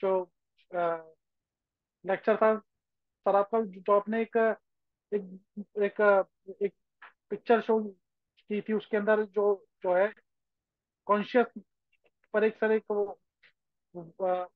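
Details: Stuttering in a participant of a stammering association discussion speaking Hindi, with word repetitions.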